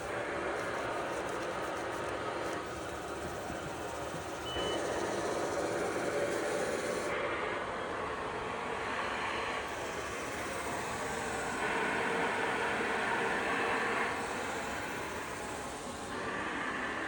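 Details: Simulation dummy on a ventilator connected to a cough assist (mechanical insufflation-exsufflation) device: steady rushing airflow shifting in level every few seconds as the device cycles.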